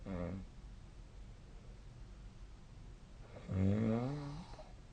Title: 🐽 本日のイビキ / Snoring Sleep Sound